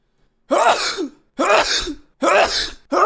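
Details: Streamer sneezing: three forceful, explosive sneezes in close succession, roughly one a second, as repeated sneezing.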